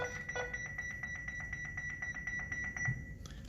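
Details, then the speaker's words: Rapid repeating electronic beeps with a steady high tone, about four per second, as a hospital defibrillator charges before a shock after its charge button is pressed in a demonstration; defibrillator charging tone. "य देख यहां से भी आप एक दफा दबाए तो चार्ज होना शुरू हो जाएगा"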